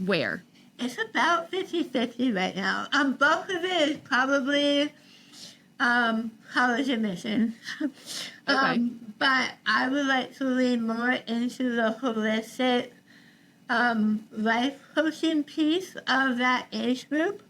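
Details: Adult woman treated for stage 4 tongue cancer: over half her tongue removed and rebuilt with a forearm graft, plus radiation and chemotherapy; mild articulation imprecision after partial glossectomy, speech still affected.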